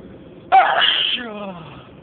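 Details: Adult's single sharp sneeze during a sneezing fit, recorded on a phone in a car, with a voiced, falling tail over a low, steady hum.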